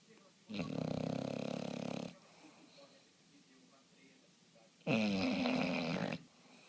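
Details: Sleeping snoring: two long, loud rattling snores separated by a quiet pause, each with a buzzing, fluttery tone during the breath.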